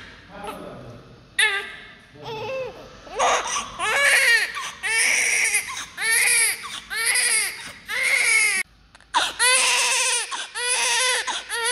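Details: Newborn baby crying loudly and continuously: strong, repeated, full-voiced wails with brief pauses for breath, showing active lungs; a vigorous newborn cry.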